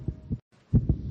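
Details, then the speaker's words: Two pairs of low, quick heartbeat thumps with a brief silence between, a racing heartbeat in a radio public-service announcement depicting a child told she must move foster homes again. "This is the sound of a racing heart."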